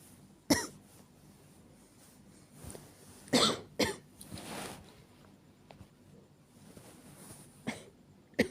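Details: Acted night-time coughing by a woman (all simulated): about five sharp, dry-sounding coughs spaced over several seconds in a quiet room; cough (acted).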